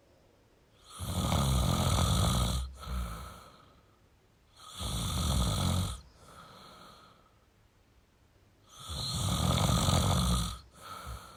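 Long, loud, harsh snoring breaths come every four seconds or so, about 15 a minute, each followed by a softer breath out: heavy snoring.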